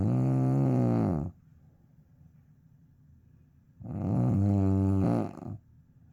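Two loud, low, rattling snores about four seconds apart, with a quiet pause between them. Ordinary snoring.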